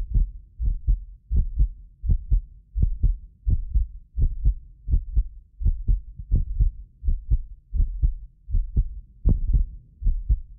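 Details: Heartbeat of a self-described medically fit person, recorded with several precision contact microphones for ASMR: steady paired sounds at about 83 a minute; occasional doubled click from a ~6 ms delay between microphones; normal heart sounds.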